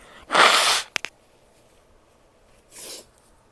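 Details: Female sneezing: one forceful, hissing sneeze with quick clicks after it, then a short, soft nose blow in a quiet room.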